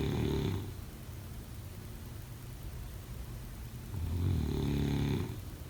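Two low, rough, rattling breath sounds a few seconds apart over steady room noise, typical of snoring during sleep.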